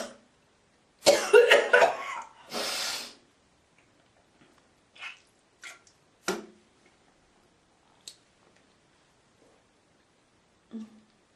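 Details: Girl's harsh burst of coughing, then a long hawking throat clear, followed by scattered small clearing and spitting sounds.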